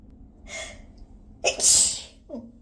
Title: these had so much spray 🤧 #sneezes #sneeze